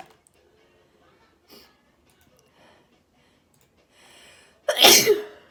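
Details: A loud, uncovered sneeze with a sharp explosive burst, preceded by quiet breaths and a short inhale.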